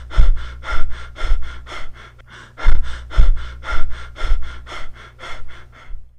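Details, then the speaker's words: Teaching sound example of Biot breathing, rhythm like Cheyne-Stokes but with irregular amplitude, described as seen in meningitis, raised intracranial pressure and head trauma. "Selanjutnya adalah pernafasan biot yang sering dijumpai pada klien"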